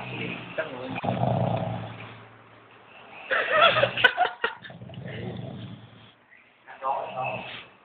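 Three long, rough, rumbling breath sounds with quiet gaps between them, typical of snoring in sleep. The third has a rising, almost sung quality.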